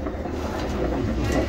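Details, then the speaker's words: Fetal heartbeat during a prenatal anatomy ultrasound: fast, steady whooshing pulses at 141 beats per minute, within the normal 110–160 range; normal fetal heart rate. "Okay, that's your baby's heartbeat. Normal yung heart rate natin, it's 141 beats per minute. Ang normal, 110 to 160."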